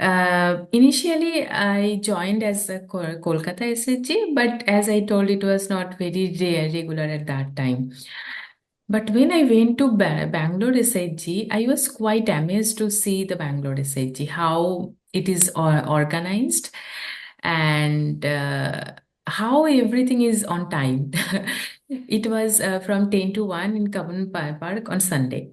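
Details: Adult woman who stammers, onset at age 13 or 14 (late onset); sound repetitions noted; stuttering (stammering).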